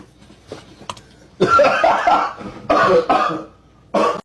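Four harsh, forceful cough bursts from an adult, the first longer and voiced, separated by brief pauses in a quiet room; repeated coughing.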